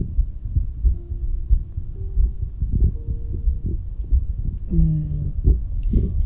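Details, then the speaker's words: Soft low heart thumps at about 91 a minute with whining stomach gurgles, recorded on an ASMR 3DIO binaural microphone from an adult woman; she reports tummy issues and hunger growls. "It's funny because you'll probably hear my heart, but also my tummy. So I do have tummy issues, so there is that."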